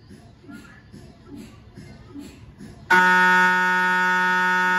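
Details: MRI scanner sounds recorded inside the scan room of a GE 1.5T or 3T system: soft rhythmic knocking pulses, then a loud steady buzzing drone with sharp onset; normal MRI gradient noise during a scan.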